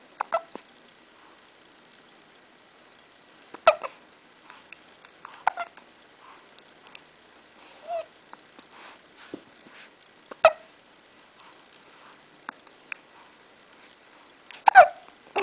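Short sharp gulping sounds recurring at irregular intervals, roughly four clearly in fifteen seconds, amid quiet room noise; hiccups.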